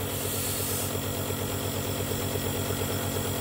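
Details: Nebulizer compressor running during prescribed nebulizer therapy for a child with cough and cold who has difficulty bringing up phlegm: steady mechanical hum with rapid regular pulsing.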